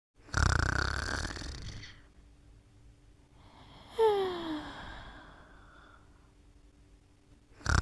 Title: Sleeping & Snoring Part 3